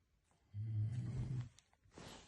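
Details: Man asleep at night, snoring.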